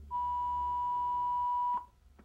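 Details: AED Plus Trainer 2 training unit in a simulated rescue scenario: a steady high beep lasting under two seconds after "shock advised" and pressing the flashing shock button, the tone marking shock delivery before CPR resumes.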